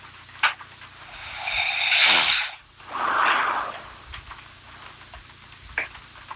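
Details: Woman snoring despite denying that she snores: one breath cycle of a rough, rattling inward snore followed by a breathy outward breath.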